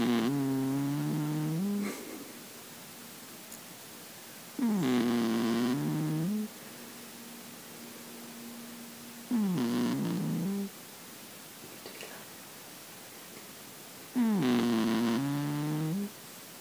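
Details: A sleeping Russian Blue cat snores gently in four slow, buzzing, tonal bursts, about 13 breaths a minute.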